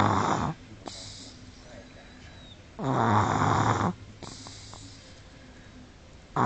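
Two loud, rough, low snores a few seconds apart, separated by quiet exhalations: snoring in a sleeping toddler.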